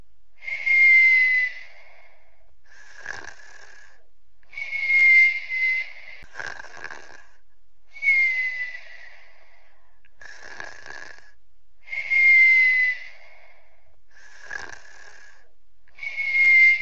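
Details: Sleeping while sick: steady cycle of whistling breaths, each inhale and exhale making a high tone, around 14 a minute; noisy sleep breathing during illness.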